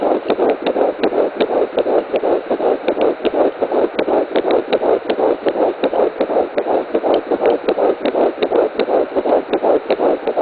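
Rapid, regular whooshing pulses at about 160 per minute, a fetal heartbeat early in pregnancy.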